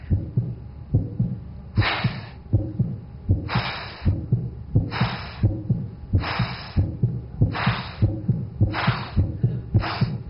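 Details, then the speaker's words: Simulated aortic stenosis murmur, not a stethoscope recording of a patient: low heart thumps with a loud, harsh, breath-like rushing murmur in each beat, typical of narrowed aortic valve. "This was a murmur This is typical murmur of aortic stenosis"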